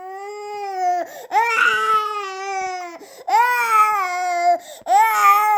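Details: Newborn crying, from a sound-effect recording: long, high wails separated by brief catch-breaths, a typical vigorous infant cry.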